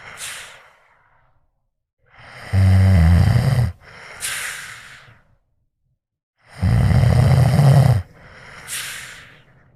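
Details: Sleeping cat snores with loud, low, rattling in-breaths alternating with soft hissing out-breaths.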